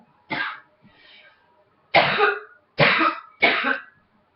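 Four harsh, separate coughs with a softer throat sound between the first two, in a quiet room.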